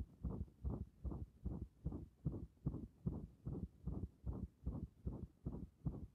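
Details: Steady, regular, muffled heart sounds at about 150 a minute, heard through a stethoscope pressed directly and firmly on the chest.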